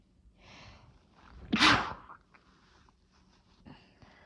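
Breathy lead-in, then one explosive sneeze with soft breathing after; an ordinary sneeze.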